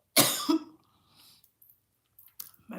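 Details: Coughing fit from food going down the wrong way while eating and talking: one forceful, harsh cough, quiet throat sounds, then a shorter second cough.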